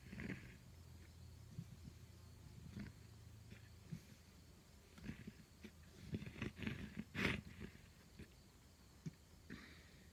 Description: Mule deer that seemed to be very sick in Wyoming this fall.